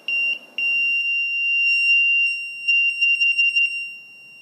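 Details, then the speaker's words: LTV 1200 portable transport ventilator: loud, steady, high-pitched alarm tone with brief interruptions, sounding from its speaker port, which can be muffled if covered by tape or gauze. "you need to know where the speaker is in case it gets muted and you can't hear somebody may have put some tape or gauze over it"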